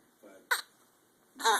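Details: Young child getting frustrated with hiccups: a soft fussy sound, a sharp hiccup catch, then a strained, frustrated vocal burst; hiccups.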